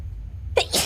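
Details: A VTuber sneezes during a game stream: a single quick, high sneeze over game background sound.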